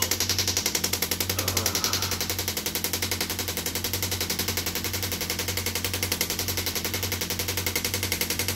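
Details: Radial shockwave therapy on an arm wrestler's triceps, felt as deep tapping on the bone; rapid, regular clacking pulses about 220 a minute with a steady low hum from a radial shockwave therapy device.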